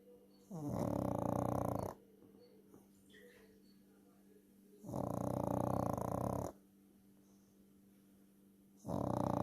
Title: my funny Loki snores😂